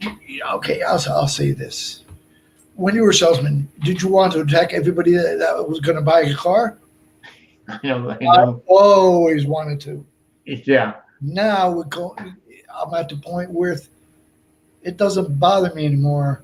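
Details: Man with Broca's aphasia from a stroke on March 22, 2011, more than 8 years post-stroke; also a heart transplant recipient.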